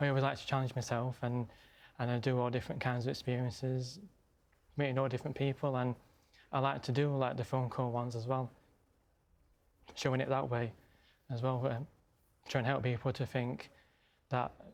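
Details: Stammering in an adult male; stammering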